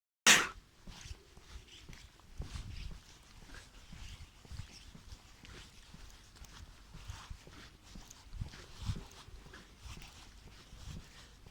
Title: I sneeze as I walk to my bus stop